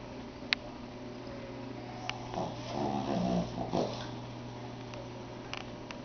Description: Our Pug Wilmont (8 months old) I swear can out snore any man/woman, boyfriend/girlfriend, husband/wife around. The longer he goes, the louder he gets.